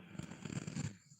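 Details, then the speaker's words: Tired old female dog snoring while asleep: soft, low rumbling snore, one fluttering breath fading into a quiet room. "someone's snoring on this video. Stray kitten 4998. Yes, it's a dog. There is a dog snoring."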